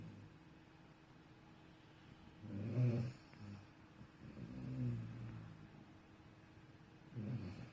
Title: Snoring Puppy...